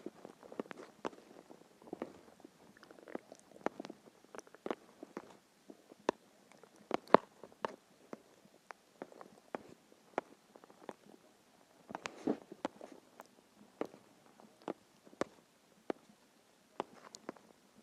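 Quiet gurgles, pops and soft rumbling bursts come and go throughout: stomach growling from hunger, a normal sound of gut movement.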